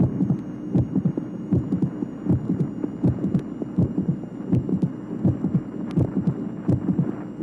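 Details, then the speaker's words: 1967 auscultation teaching record, tracing 14: regular heartbeat about 80 a minute with a short, sharp late systolic click representing a minor mitral valve abnormality. "tracing number 14 at the same late systolic location there is a sound or click that is shorter and sharper than the preceding murmur these late systolic sound phenomena represent minor mitral valve abnormalities"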